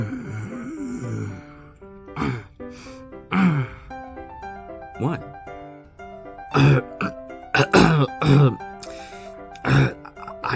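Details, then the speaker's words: Throat clearing attributed to an itch in the throat, within a cartoon-style scene: several rough throat-clearing grunts and short coughs over background music. "got an I got an itch in my throat."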